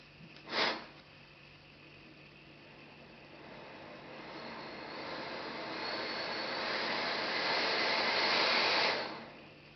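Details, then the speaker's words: Steady rising hiss of air from the open patient end of the tube during a pre-use circuit test on a Lowenstein Luisa ventilator, not connected to a patient; then it stops. Ventilator airflow, open circuit. "OK, you'll see it says open the end of the tube close to the patient. There we go. It's open and we press next."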